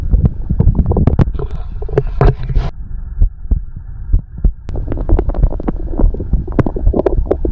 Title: the sound of a heartbeat and stomach growling